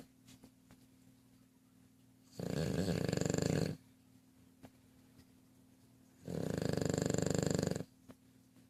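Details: Two long, rattling inhaled snores about four seconds apart over quiet room noise; snoring.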